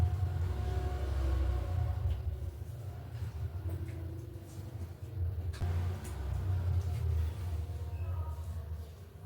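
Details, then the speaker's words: Doppler fetal heart check at about 37 weeks of pregnancy, fetal movements active and position good: rapid, rhythmic low whooshing pulses; fetal heartbeat. "Ini posisinya udah bagus ya. Ini kita coba dengarin detak jantungnya."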